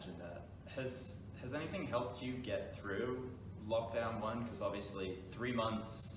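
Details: Adult male interviewer; normal speech.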